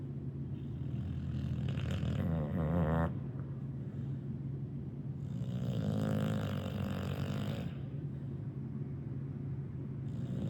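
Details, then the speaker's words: Two-year-old dog snoring while asleep, her usual snore: deep, rumbling snores over a low, steady drone, with two louder rattling breaths; the owner is bothered by it. "And this little snore that she does when she's sleeping, that's just her."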